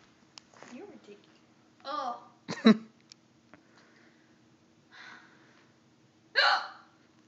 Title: The hiccup girl